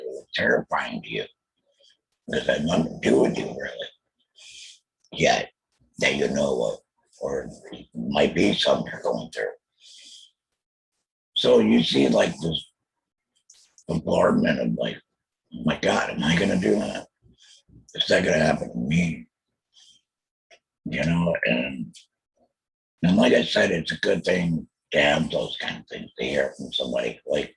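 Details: Alaryngeal speech from a real laryngectomee after a total laryngectomy in 2020 for throat cancer, followed by chemotherapy and radiation.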